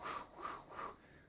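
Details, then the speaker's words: An adult vocally imitates a fetal heart Doppler: three quick, rhythmic whooshing pulses, mimicking the belly-strap Doppler used in a non-stress test for pregnant women. "one of those is a Doppler ultrasound or a Doppler machine that's you know just like when we listen to the fetal heart cones and goes you know that there's that little machine and it goes"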